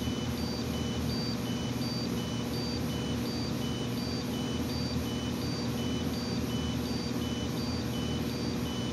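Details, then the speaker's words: Regular electronic alarm beeps, about 80 a minute, over a steady low hum from an MX4 oxygen meter going off quickly as oxygen falls from 20.9% toward 18.5% while testing a two-layer bandana face mask. "so we've got two layers of the bandana and you can see the alarm goes off rather quickly as well"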